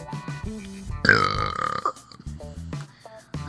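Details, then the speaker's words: A loud, drawn-out voluntary belch performed on purpose as a talent, lasting nearly a second, with background music; burping. "Okay, so my talent is burping. If you want to see a performance,"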